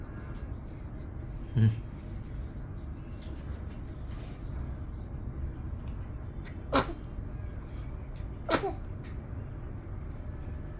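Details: A newborn on day 28 of life winking and sneezing: three small, sharp sneezes spread over about ten seconds against quiet room hiss. Ordinary newborn sneezing.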